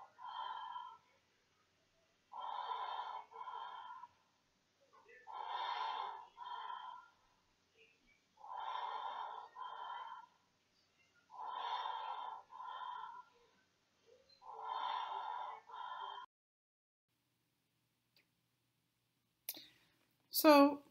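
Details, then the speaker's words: Intubated neonate in the NICU, breath sounds picked up by microphones of an endotracheal tube monitoring system: evenly spaced, hollow, rushing breaths through the tube, about 20 a minute, each with a two-part in-out sound. "and also because we have the microphones you can hear the breast sounds of the patient foreign"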